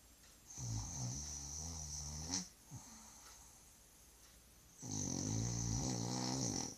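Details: Two loud, rattling snores with a whistling edge, separated by a quieter breath, from a sleeping dog; snoring.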